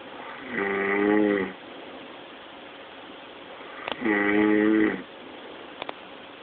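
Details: A man snoring loudly, recorded on an Android phone; two loud tonal vibrating snores on breathing in, about three seconds apart, with soft clicks between.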